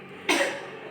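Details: Acted nursing health-education demonstration of chest physiotherapy: after three deep breaths, an adult woman gives one forceful, wet-sounding cough in a small room; an effective cough to bring up sputum.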